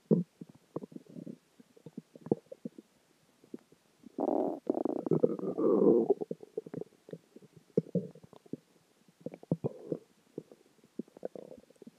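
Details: Stomach growls after dinner, water and gas: gurgling, bubbling and drawn-out rumbling gut noises, with a longer loud growl in the middle, ordinary borborygmi.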